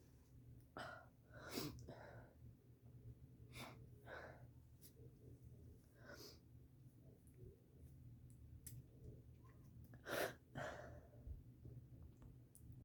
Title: Forceful sneezes